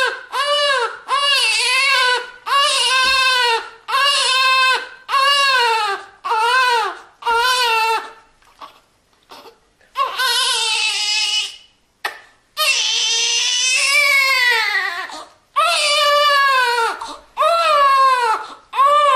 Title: Baby Crying Sound Effect / Sound Of New Born Baby Crying / Child Cry Sound / Royalty Free